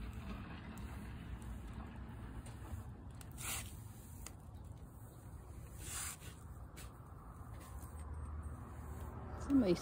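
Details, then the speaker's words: A feral cat sneezing twice: two brief, sharp, hissy bursts a few seconds apart over a steady low background rumble. "sneezing, huh? Did you hear that?"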